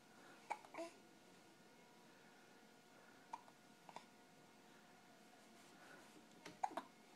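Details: A young child gives about six short, sharp voiced hiccups, some in quick pairs, over a quiet room hum: hiccups.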